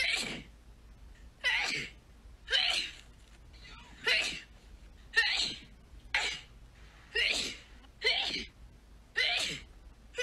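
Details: Sneezing fit from a sneezing compilation: a run of about ten sharp, hissing sneezes about one second apart, with short breaths between them.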